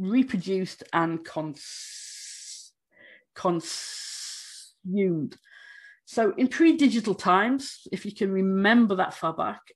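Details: Stammering with sound prolongations in an adult woman who states she stammers, speaking during a conference presentation.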